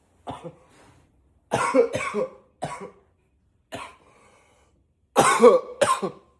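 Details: Seven short coughs in quick single and paired bursts, some deliberately deeper-voiced, in a quiet room; person coughing a lot.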